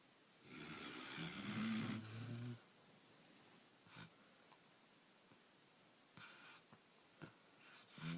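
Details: A sleeping puppy snoring after a hard day: one long rumbling, buzzy breath, then quiet room noise with soft snuffles.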